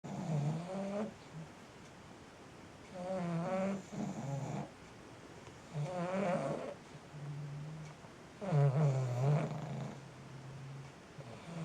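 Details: Pug snoring during sleep: loud, rattling snores with a low buzzing tone on each breath, about 20 breaths a minute.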